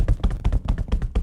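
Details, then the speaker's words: Cupped-hand chest percussion by a physical therapist below the collarbones as part of postural drainage chest physiotherapy for mucus in COVID-19: rapid, regular hollow thumps, deeper and duller than a hand clap. "And so the way you do percussion is with this hand cupped. And you're gonna hear what that sound is like, as opposed to a hand clap."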